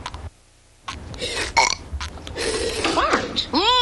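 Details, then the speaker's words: Animated cartoon burping contest, not a real person: loud, drawn-out burps with chatter around them. "we're having a contest mom watch knock it off I do not allow burping in this house the show must go on"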